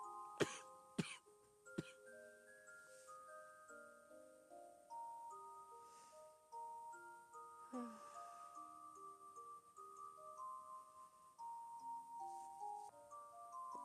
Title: Girl coughing, asthma